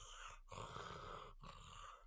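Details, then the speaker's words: Imitated snoring: an adult deliberately breathes heavily through an open mouth, making two rough, rattling snore-like breaths separated by a brief pause, demonstrating that mouth breathing produces snoring. "he showed me this trick he's like try to breathe heavy through your mouth and make a snoring sound"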